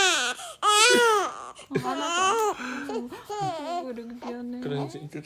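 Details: 17-day-old baby, in a recording about stopping baby hiccups, gives rising and falling cries and fussing sounds in a small room; an infant cry.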